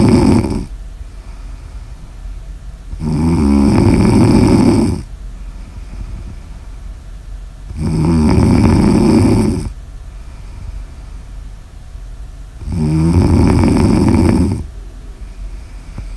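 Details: Loud, rough snores on each breath in, about 12 a minute, with quiet pauses between; steady snoring recorded for ASMR.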